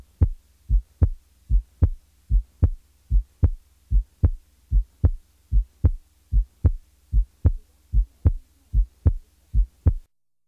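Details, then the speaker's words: Teaching recording of heart auscultation: a regular heartbeat about 75 a minute, each softer first sound followed by a louder second sound, giving an impression of going up the musical scale. "now listen to a softer first sound followed by a louder second sound"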